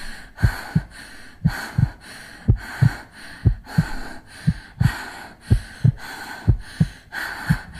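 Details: Heartbeat with breath sounds from a girl's chest: paired heart thumps at about 60 a minute over soft breath noise.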